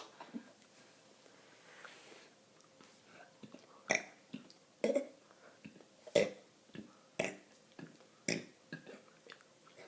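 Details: 7-year-old girl deliberately burping, possibly after drinking soda: a series of five or six short, abrupt burps, irregularly spaced in a quiet room.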